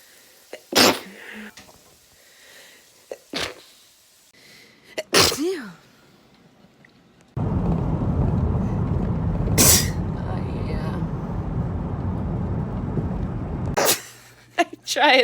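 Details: Person sneezing during allergy season: four sharp, explosive sneezes in a row, with a stretch of loud rumbling noise between them.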